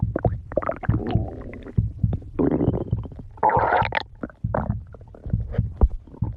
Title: stomach growling 13